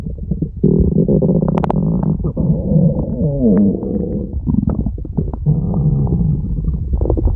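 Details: Friend's loud, continuous low gurgling and rumbling with rising and falling squeaky glides: ordinary stomach growling (borborygmi).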